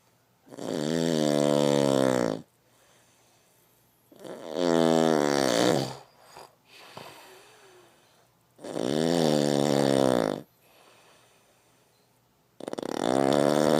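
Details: Loud, rough, buzzing snores on each breath, about 15 a minute, with quiet pauses between them: snoring.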